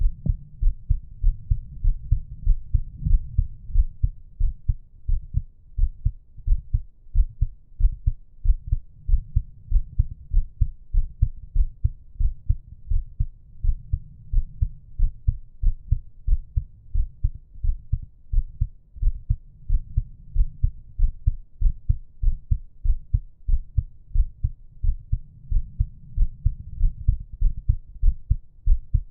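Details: Steady low heart thumps at about 94 a minute, with soft breathing in the background: normal resting heartbeat and breathing sounds.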